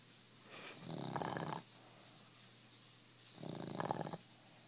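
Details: Loud snoring from a person during sleep; snoring.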